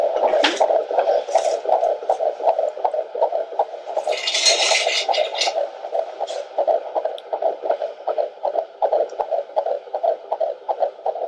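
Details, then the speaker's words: Fetal heartbeat on Doppler at a 12 weeks 3 days IVF pregnancy, first midwife appointment: rapid, regular whooshing pulses at about 150 to 160 beats a minute. "But the most exciting part is she did the Doppler, and I got to hear the baby's heartbeat again. Is that the babies?"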